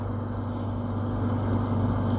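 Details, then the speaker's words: Steady low motor hum with a constant drone from a surgical suction machine switched on with a disposable suction tube in the operating theatre. "Just on करा suction"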